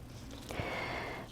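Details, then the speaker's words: Sleeping pet dog snoring during a painting lesson, earlier very loudly: a single snorting, rattling breath over quiet room noise. "My dog is snoring very loud, or he was before, so you might hear him now and then."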